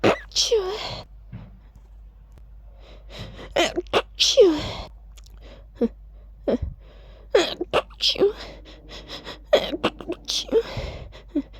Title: Big "choo!" sneezes